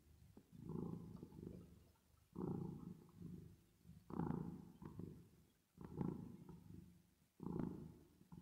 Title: 10 Minutes Of Cat Purring Sound With Reverb Effect | Asmr For Sleep | How Do You Snore A Cat?